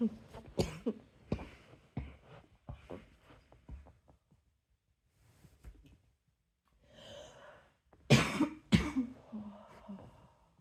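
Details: Night-time cough: repeated short cough bursts in clusters with throat clearing and pauses between, in a quiet room.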